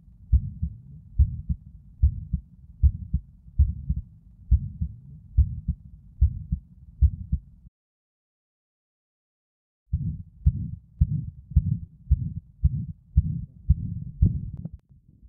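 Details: 11-year-old boy, exertional dyspnea; Thinklabs One digital stethoscope at apex, LLSB, LUSB standing and squatting, RUSB; prolonged, higher-pitched systolic ejection murmur, louder standing, softer squatting, ~75 bpm; hypertrophic cardiomyopathy, 25 mmHg resting LVOT gradient, no significant mitral regurgitation.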